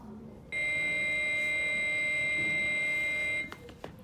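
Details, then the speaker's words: Adult AED training demonstration: a steady high-pitched tone of about three seconds signals the defibrillator is charged and ready to shock, with voice prompts "analyzing rhythm, stand clear, shock advised, charging." "analyzing rhythm everyone stand clear shock advised charging everyone stand clear everyone"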